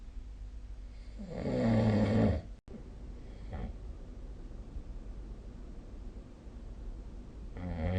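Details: Snoring sounds of a sleeping person, recorded with the SnoreLab snoring-recording app.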